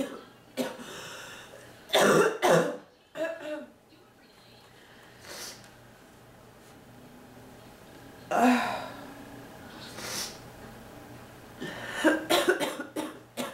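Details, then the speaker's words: Adult woman, sick and fighting off an illness, back hurting from coughing; repeated harsh, barking cough bursts in clusters with groaning between; persistent coughing fit. "oh my back thank you my back hurts so bad from coughing yeah"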